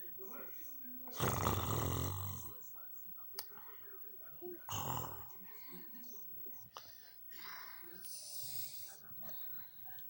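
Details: Grandpa snoring while asleep at night: loud, low, rattling snoring breaths among soft chatter and room noise.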